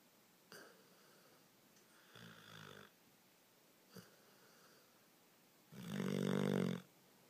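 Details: Soft breaths and short snorts ending in one louder buzzing snore in a quiet room; harmless sleep snoring.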